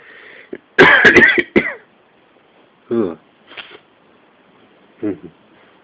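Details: Adult coughing fit during a cold: a loud cluster of harsh coughs followed by several spaced, weaker coughs.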